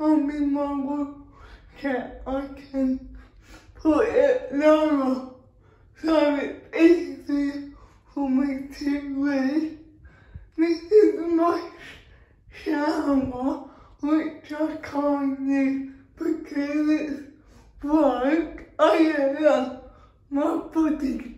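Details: Dysarthric speech (cerebral palsy) in a female vlogger, real everyday speech.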